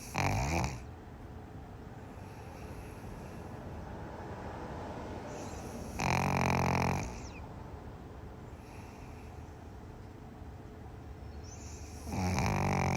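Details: Pug sleeping and snoring: low rattling snores about every six seconds, roughly 10 breaths a minute, with quiet breathing between.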